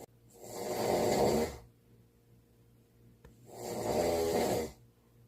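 Two long, rough, rattling breaths about three seconds apart in a quiet room: snoring.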